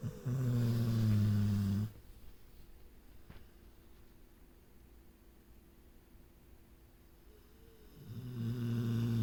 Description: my dog snoring in her sleep and dreaming